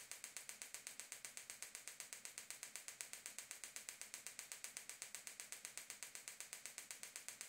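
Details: Extracorporeal focused shockwave (Gymna Shockmaster 300, 15mm focused head, 3 bar, 2000 shocks at 8 Hz, ultrasound gel) to plantar fascia origin at heel for proximal plantar fasciitis/heel spur: rapid, even sharp clicking pulses about eight per second; shockwave device firing.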